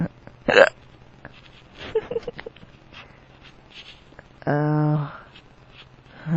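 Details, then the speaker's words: Drunk adult man with powerful hiccups that hurt his tummy, also burping: a sharp voiced hiccup, quiet breathing and faint voices, then a long drawn-out voiced sound, likely a burp; he says his hiccups sound weird. "I'm drunk. Oh. My hiccups sound weird."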